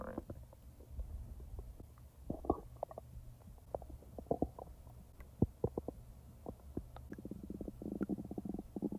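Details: Real stomach sounds from the owner's own belly, not recorded in real time: low gurgling and popping rumbles with a longer bubbling run near the end; bowel sounds (borborygmi).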